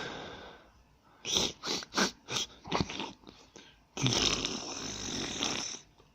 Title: Girl sneezing